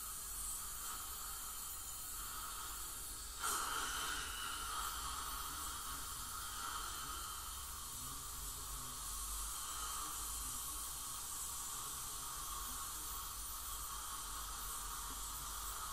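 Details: Professional teeth cleaning by a dental hygienist on a patient with heavy plaque and tartar, possibly scaling for gingival inflammation or full mouth debridement; steady loud hiss of water spray and suction with faint high whine; ultrasonic scaling.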